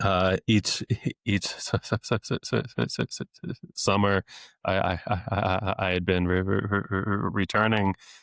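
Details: Adult male speech-language pathologist who has stuttered since age eight, had off-and-on speech therapy into his early twenties, and deliberately lets his stutter show; stuttering with repetitions of sounds, words and phrases.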